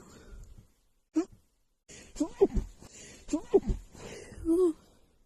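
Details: Catching breaths with small build-up sounds, then several muffled, held-back sneeze bursts in a row: a female's stifled sneezes while trying to hold back sneezing.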